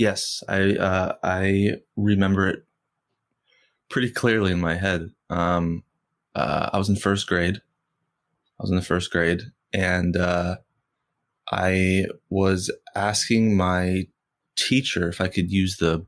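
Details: Stuttering in an adult man, a writer and filmmaker, who has stuttered since first grade and stutters most when asking people for things.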